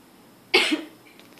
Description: This is our cat's way to say "Bless you!", every time my girlfriend coughs.